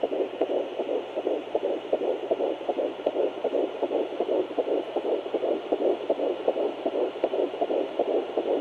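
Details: Fetal heartbeat on Doppler at 11 weeks 3 days of pregnancy: rapid, regular whooshing beats at about 158 beats a minute.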